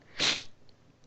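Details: Single sharp, hissing sneeze with a short sniff afterward from a sick person with a hoarse, painful voice who is taking medicine every few hours; sneeze.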